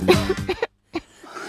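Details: Girl's cough acted for a cough-medicine commercial: a quick run of about four voiced coughs, then one more after a pause; cough.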